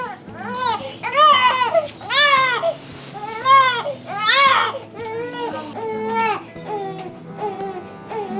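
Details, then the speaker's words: Two-week-old boy with dextrocardia crying during a checkup and day of heart tests: loud, rhythmic, vigorous newborn cry bursts with brief breaths between, turning softer and whimpering toward the end. "yeah man he was like crying and squinting and then he opened like and it broke me"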